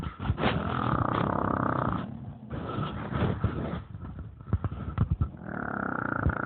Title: Baby Bully Snore